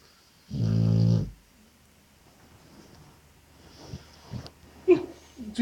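One loud, low, buzzing snore from a sleeping dog, followed by quiet breathing and small stirring noises: snoring.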